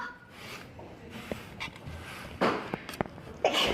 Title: k pop idols sneeze